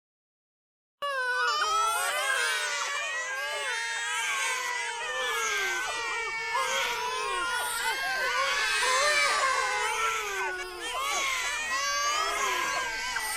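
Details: Several babies crying loudly and continuously, overlapping wails after a second of silence, from a five-minute sound-effect recording; infant crying.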